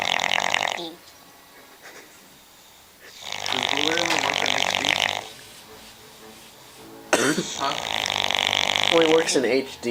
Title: Snoring New Years